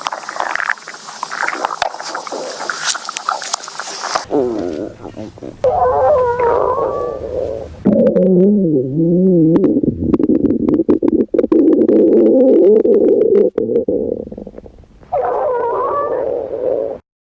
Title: Even More Stomach Growling!